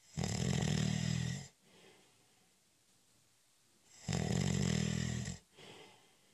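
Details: Snoring during a short, light nap (cat nap): two loud, buzzing inhaled snores about four seconds apart, each followed by a soft exhale.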